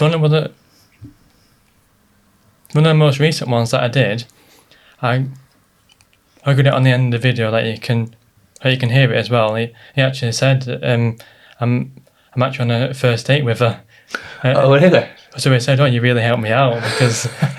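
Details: Stuttering (stammer) in an adult man, present since childhood, previously treated with speech therapy; stress and nerves make it worse.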